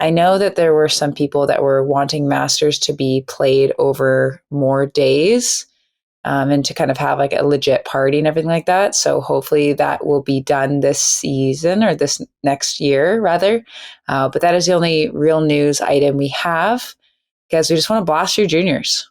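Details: Adult speaker, podcast recording; Normal conversational speech.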